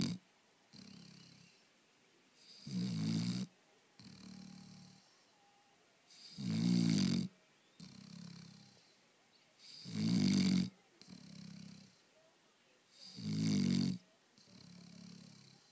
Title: Snoring dog Barney!